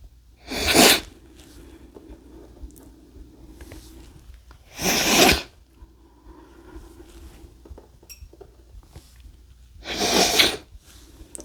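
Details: Three loud explosive sneezes from a male, about four to five seconds apart, with breathing and a faint hum between them: sneezing.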